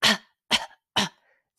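Three short, harsh, dry coughs with no rattle of mucus, an imitated dry, non-productive cough.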